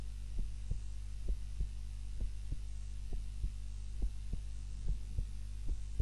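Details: Own heart sounds recorded on a timer while napping, lying on the back (supine) rather than the usual face-down position: soft, regular lub-dub pairs, roughly 90–95 a minute, over a steady hum; normal heartbeat during sleep.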